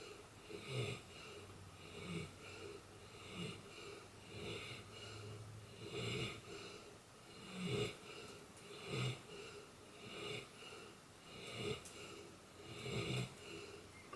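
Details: Loud, rattling, whistling dog snoring at roughly 45 breaths a minute, slightly irregular, with a high nasal tone; described by the owner as odd snoring.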